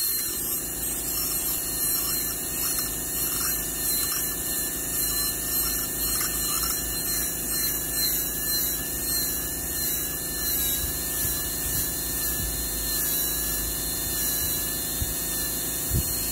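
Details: High-speed dental drill whine with water spray hiss, wavering slightly while cutting a Class II MOD preparation of the mandibular left first molar (tooth 19) on a practice model.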